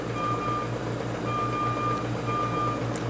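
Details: SERVO-n ventilator in high-frequency oscillation with volume targeting: a repeating high alarm tone over a steady low rapid oscillating hum, alarming that the target volume is not reached at maximum amplitude due to incorrect settings.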